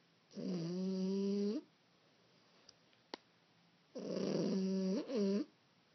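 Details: 15-week-old French bulldog puppy sleeping, snoring very loudly: rattling snores, each with a drawn-out honking tone.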